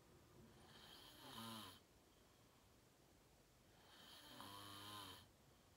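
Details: Self-recorded adult sleeping, fell asleep fast around 8:45, self-described deep REM sleep (sleep apnea only hashtagged): two rattling inspiratory snores about 3 seconds apart, quiet breaths between; ordinary snoring.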